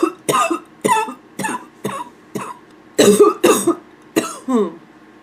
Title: Hoarse barking cough